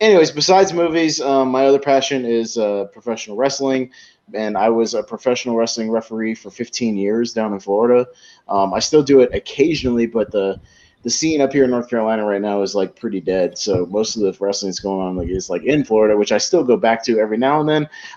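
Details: Adult male speaker; typical speech.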